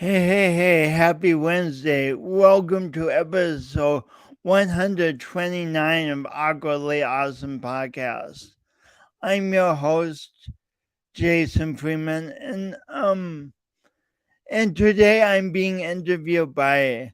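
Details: Adult man, podcast host, with his own lifelong speech impediment and coordination differences; real, not acted; speech impediment.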